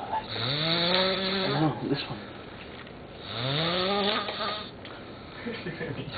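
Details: Person snoring while sleeping on holiday in Myrtle Beach: two long, loud, buzzing snores on inhalation with quieter exhalations between them, ordinary snoring.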